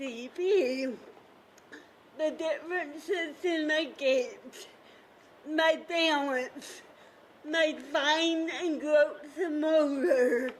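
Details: Adult woman with cerebral palsy who describes her speech as a "CP accent"; finding: dysarthria (cerebral palsy).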